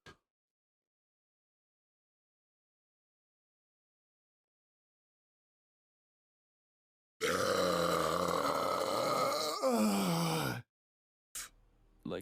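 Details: Loud, rumbling voiced belch of about three seconds, then a brief second sound, from a livestreamer after drinking; burping.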